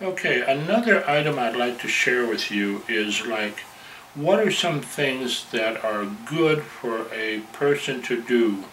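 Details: Adult male member of a stuttering support group who stutters and openly advertises his stuttering; stuttering.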